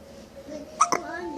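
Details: Two brief, abrupt hiccup-like catches close together over a soft background voice; hiccups.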